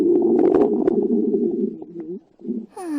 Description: After a tiring night, finds a place to sit, but then noticed her stomach wants to be fed.